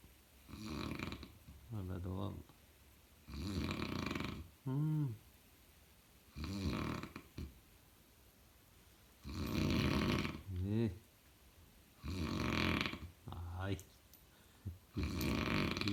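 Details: Loud, rough snoring in repeated bursts, some with a throaty pulsing rattle, about 20 a minute: snoring.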